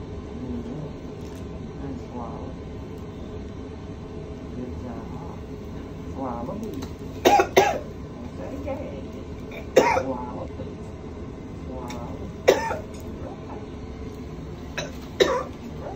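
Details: About five sharp coughing and gagging bursts from an adult during unnumbed nasal tube placement for esophageal manometry and 24-hour pH monitoring for reflux.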